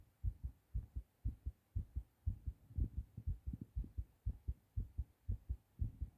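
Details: Male recording his own heartbeat after a hard cough while sick: rapid, regular lub-dub sounds at about 120 a minute over a faint hum, a fast heartbeat (tachycardia).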